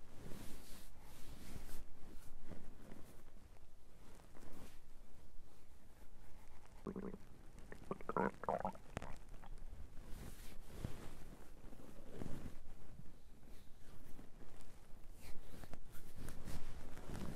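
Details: Loud, frequent gurgling and rumbling abdominal bowel sounds (borborygmi) recorded while trying to capture hunger sounds; described as digestion sounds.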